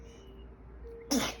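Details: Infant on day 135 sneezing: a single sudden, sharp, breathy sneeze with a slight voiced edge in a quiet room with faint hum.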